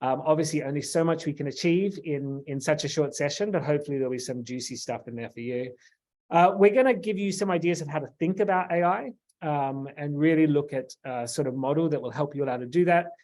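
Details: Adult male speaker; normal voice.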